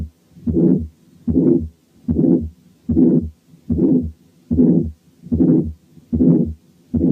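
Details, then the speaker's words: Teaching recording of aortic stenosis, heart rate near 74 a minute: harsh crescendo-decrescendo ejection systolic murmur filling the gap between heart sounds; longer murmur indicates more severe stenosis. "تعالوا نسمع أولا حالة aortic stenosis بس فيها ejection systolic murmur."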